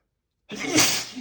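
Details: Man reading a book aloud, announcing he has to sneeze: after a brief pause, a single loud, sharp sneeze bursts out with a faint voice tail.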